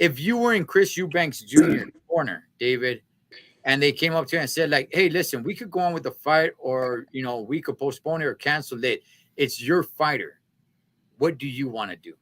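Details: Adult male speaker; normal voice.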